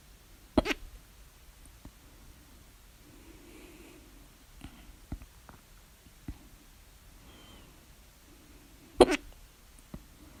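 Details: Sudden sharp hiccup bursts with softer ones between in a quiet room (louder bursts with mouth open); hiccups at 3:04 A.M. after overeating at dinner, mouth alternately closed and open.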